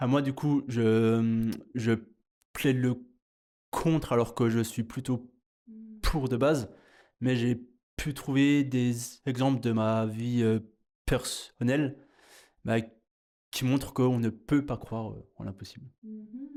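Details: Stuttering in a 30-year-old French-speaking man.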